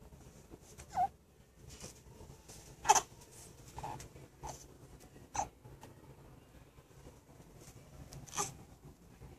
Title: My sweet baby hiccups